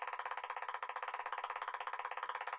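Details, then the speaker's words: Simulated unstable motor unit potential from uncertain neuromuscular transmission, with jitter raised from 20 to 60: rapid crackly firing with a varying shape and bubbling sound, as in early ongoing reinnervation. "so we increase that to from 20 to 60 and then when we run the signal you can see how the shape varies and it's also a bubbling"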